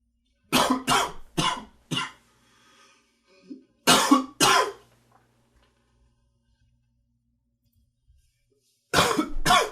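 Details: About eight short, dry coughs in three clusters, during a typical morning with allergies: allergic cough.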